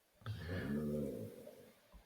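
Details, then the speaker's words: Sleeping pet snoring: single low, buzzy, drawn-out breath sound in a quiet room, fading at the end. "can you hear Lily? She's snoring."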